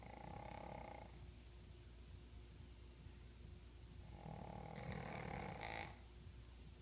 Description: My two Pugs Samy and Do snoring away... LOL